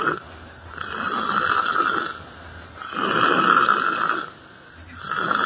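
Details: Snoring from a person sleeping sitting on a library bench: loud rough snores in a slow rhythm, about two breaths across five seconds, with quieter pauses between.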